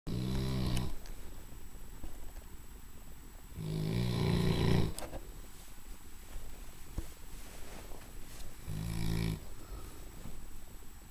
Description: Large English Mastiff snoaring.